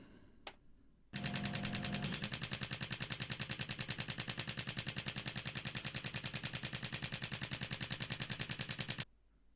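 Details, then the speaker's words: Extracorporeal shockwave therapy on the wrist for repetitive strain injury (tenosynovitis): loud rapid hammering pulses, about 2.5 per second for eight seconds, like a small jackhammer. "as you could see and hear it is basically a small Jackhammer uh that you run over these areas that creates these shock waves"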